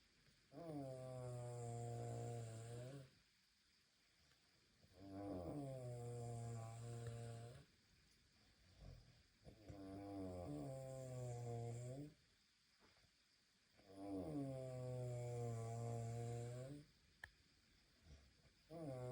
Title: Wifey SNORING!!! How am I supposed to sleep!!!